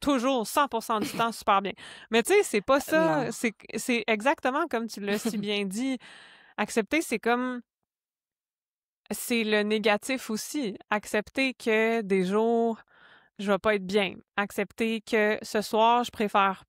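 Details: Woman, a member and board member of a stuttering association, who speaks of her own stuttering; stuttering.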